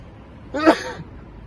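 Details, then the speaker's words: A single short, sharp sneeze over quiet room noise in a skit about saying Alhamdulillah after sneezing. "What do I say when I sneeze, akhi? Someone told me there was something to say. Akhi, when you sneeze, you should say Alhamdulillah."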